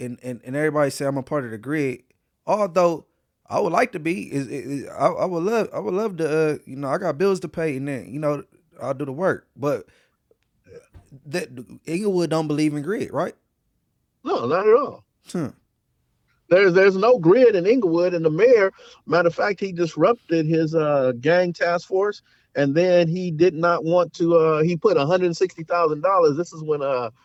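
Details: Stuttering in a man who says he now stutters, pauses, and stops since a severe hand injury on July 4, which he links to possible PTSD.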